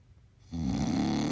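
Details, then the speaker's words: A loud, low, rattling snore during sleep begins after a brief quiet moment, partial airway obstruction; snoring, contrasted with obstructive sleep apnea. "What you're hearing right now is called snoring. Snoring is a partial obstruction of the airway when you sleep, and it sounds like this."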